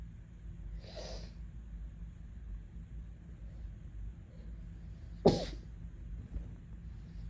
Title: Sensitive nose today w. Muffled sneezes